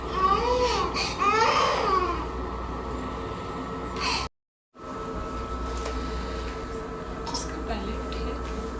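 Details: 4-month-old infant waking from general anesthesia and extubation after cleft lip repair surgery: strained wailing cries, a brief silence, then quieter whimpers over room noise.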